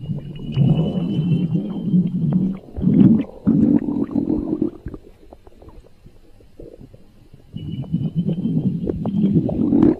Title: A Stomach Growling Chaos